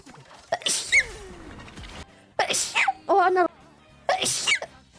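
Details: Three sharp sneezes, each with a quick in-breath and a high burst, with brief voiced sounds between them, from a streamer's sneezing compilation recorded 2021–2025.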